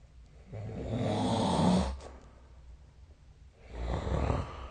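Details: Two long, low, rumbling snores on breathing in, with a quiet pause between, in a still room; snoring during sleep.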